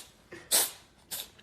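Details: A rescued five-year-old pet cat gives two sharp, hissing sneezes in quick succession, part of a rapid fit of about 20 sneezes after sniffing lunch; a vet found nothing wrong.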